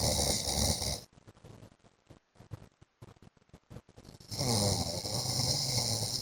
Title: 15 MINUTES MY HUSBAND'S SNORING SOUND